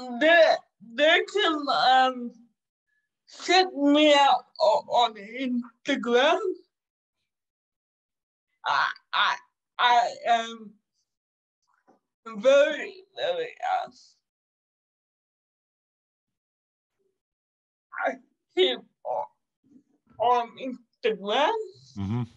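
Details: 27-year-old woman with cerebral palsy caused by severe neonatal jaundice, which she says makes her sometimes speak and move differently. Dysarthria (cerebral palsy)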